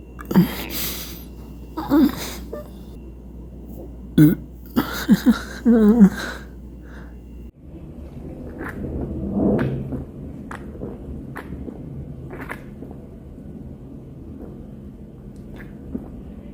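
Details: Repeated burping after eating too fast: a series of short, throaty bursts, then a longer low rumble with faint clicks; eructation, later followed by hiccups.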